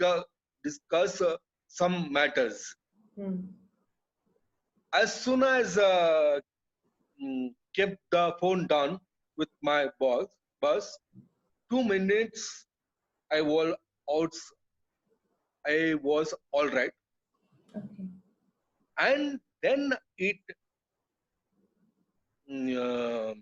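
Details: Adult man with aphasia after a brain haemorrhage (burst) stroke hitting his speech centre; told he would never speak again; relearned speech through years of speech therapy; still hesitates and cannot always finish sentences; aphasia after stroke.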